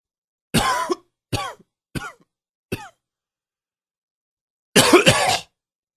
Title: Coughing 35.wmv